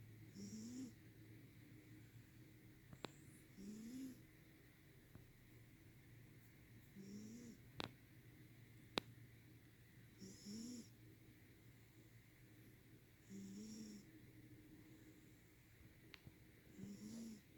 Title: Snoring cat